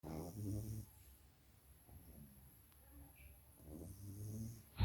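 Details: Sleeping pug snoring: low, rattling snores on breathing in, separated by quieter breathing.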